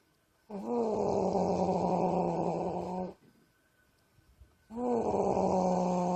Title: The wife snoring